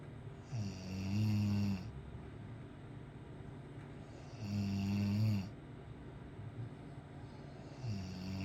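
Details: Low, rumbling snores on each breath in, about 16 a minute, with quiet gaps between; ordinary snoring.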